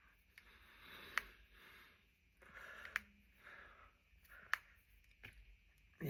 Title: Cracking my knuckles and fingers. #jointcracking #knucklecracking #crackingasmr #cracking